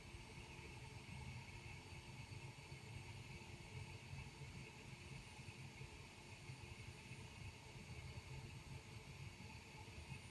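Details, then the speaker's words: Z1 automatic travel CPAP machine fixed at 10 cm pressure, wearer using nasal mask, recorded by iPhone about 30 cm away: steady low motor hum with faint airflow hiss, small high-rpm motor. "the machine all trouble machines are a little bit noisier than your standard full-size CPAP machines and that's due to the very small motor which has to turn at a very high rpm to generate the full range of CPAP pressures"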